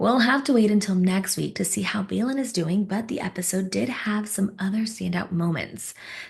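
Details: Adult woman narrator; normal speech.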